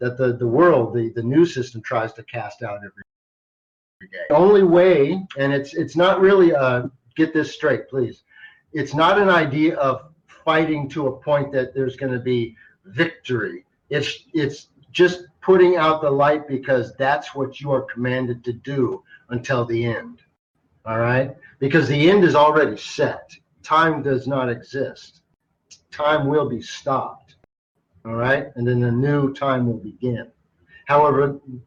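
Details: Adult man who stutters sometimes, a carry-over from much more frequent stuttering as a child; audible word repetitions; stuttering.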